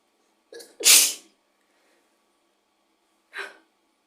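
A quick intake of breath, one loud explosive sneeze, then a softer second sneeze a few seconds later; two sneezes in all.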